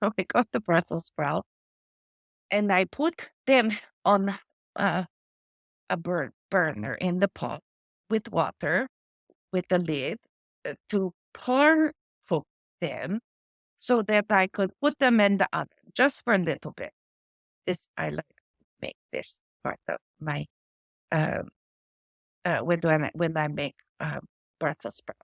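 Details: Adult woman with post-stroke aphasia from a stroke affecting her brain's language area, with word-finding difficulty: words drop out mid-sentence and she substitutes old-fashioned or inappropriate words. She also reports foreign accent syndrome: aphasia.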